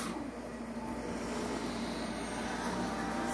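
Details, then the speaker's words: CPAP machine airflow at night from a newly received machine with a screen and distilled-water humidifier; the user is getting used to it and felt briefly lightheaded: steady whooshing hiss with low hum, no distinct breaths. "well looks to me like i have this cpap machine on so i can re-energize the juice in the mousse"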